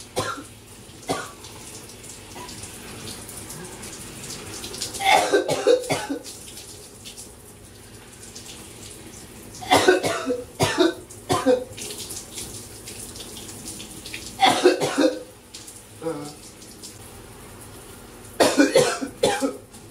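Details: Person with a throat bug coughing while showering: four clusters of harsh repeated coughs, several each, over running shower water; recurring coughing fits.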